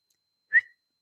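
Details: Adult woman with Tourette syndrome; whistle vocal tic, which she names as one of her regular vocal tics and says occurs more frequently than others.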